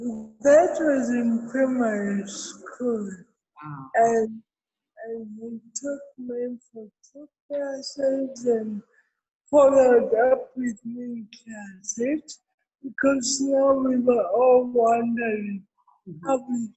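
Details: Adult woman with cerebral palsy present since birth, real speech in an interview; dysarthria associated with cerebral palsy.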